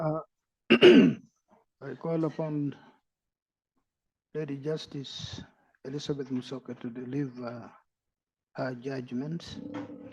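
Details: Adult man speaking; normal voice.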